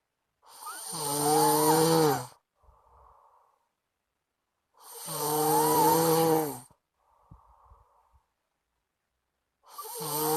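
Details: Sleeping friend's snoring that kept the recorder awake: loud, rumbling snores on each in-breath with quiet out-breaths between, about 14 breaths a minute.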